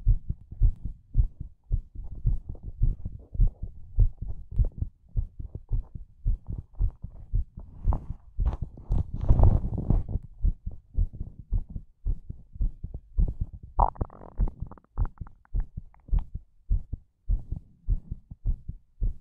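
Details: Heartbeat recorded for ASMR: steady, deep thumping at about 105 beats a minute, with a brief rustle of handling noise partway through.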